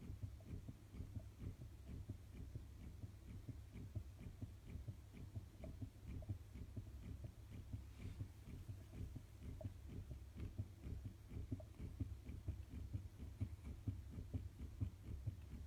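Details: Rapid, rhythmic whooshing thumps of a baby's heartbeat in the womb, recorded with a Doppler heart monitor at roughly 130 beats a minute; fetal heartbeat.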